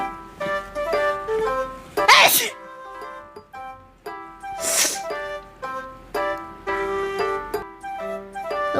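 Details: Two sharp, explosive sneeze bursts from an adult over plucked-string background music.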